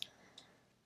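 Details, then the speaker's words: Jaw clicking while talking in a quiet room: two faint, sharp clicks less than half a second apart, in a speaker who reports grinding their teeth at night and trying to wear a mouth guard. "And I'm sorry if you can hear my jaw clicking. I do grind my teeth at night, I've discovered, and I've been trying to wear a mouth guard to prevent that,"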